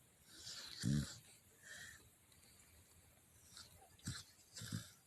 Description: My baby Mozzy was so tired from running. He's snoring on top of my bed and I don't mind it at all.